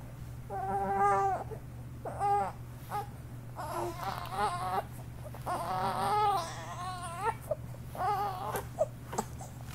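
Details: Infant during tummy time: repeated short fussing cries with a steady room hum behind them.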